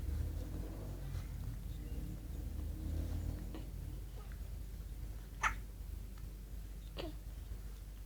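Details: Hiccups in a baby boy: a few short, sharp hiccup sounds over a low background rumble.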